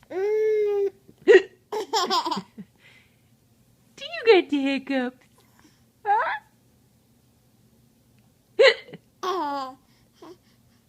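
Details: Baby with hiccups and giggles: sharp, sudden hiccups break into giggles and happy babbling, several across the stretch.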